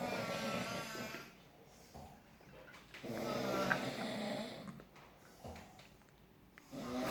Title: CESAR FILIMING ME SNORING